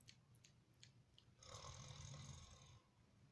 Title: Son's reaction to father #snoring